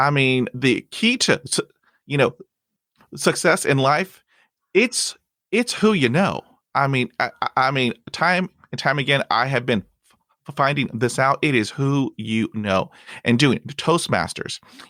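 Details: 51-year-old man who stutters, with fear of stuttering that controlled 35 years of his life; stuttering.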